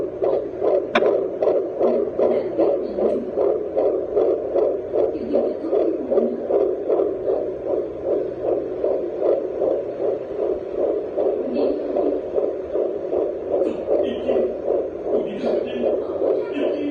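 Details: Fetal heartbeat at 13 weeks of pregnancy on a home fetal Doppler (JPD-100E): rapid, regular whooshing pulses at about 150 beats a minute.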